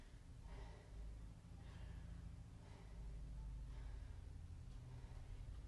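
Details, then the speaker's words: Lung auscultation teaching, introducing three normal breath sounds, the first being the vesicular murmur: normal breath sounds. "Ahora les hablaré de 3 murmullos que escucharemos al momento de la auscultación. Estos 3 son normales."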